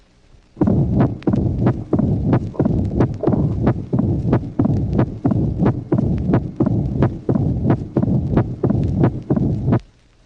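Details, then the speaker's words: Tracing 22 from a 1966 heart auscultation teaching record: mitral stenosis with a loud first sound, an opening snap after the second sound, and a low-pitched diastolic rumble with presystolic accentuation, about 90 beats a minute. "Éclat du premier bruit et claquement d'ouverture qu'il faut bien reconnaître en diastole après le deuxième bruit sous l'abréviation CO. Et roulement diastolique de basse tonalité avec son accentuation pré-systolique."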